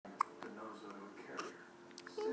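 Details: A dog with hiccups: two brief, sharp hiccup clicks about a second apart over faint room sound.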